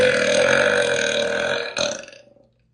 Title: do you wanna smell my burps😽💨 #belching #burp #queen